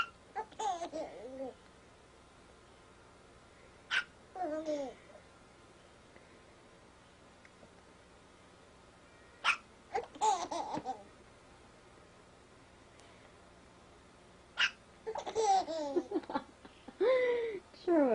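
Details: Eight-month-old baby with hiccups, laughing: short, abrupt hiccup catches every few seconds, mixed with infant giggling and babbling.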